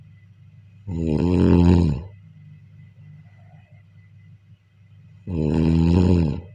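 Two loud, rumbling snores about four seconds apart, with quiet breathing between them. Ordinary snoring.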